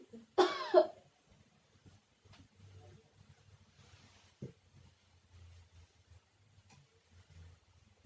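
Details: One forceful voiced cough, then quiet room noise, in an acted nursing-student demonstration of deep breathing and effective cough exercise.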